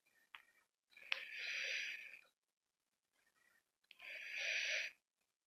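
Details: Person's own breathing recorded in a small quiet room while playing a game: two long, high-pitched whistling breaths with short quieter breaths between; wheeze.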